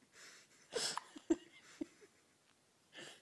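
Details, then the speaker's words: Newborn, day 4 of life, first-ever hiccups in the morning, swaddled: a few brief, sharp, catching sounds in a quiet room; infant hiccups. "You got all kinds of stuff going on right now. You've got messy face. You've got hiccups."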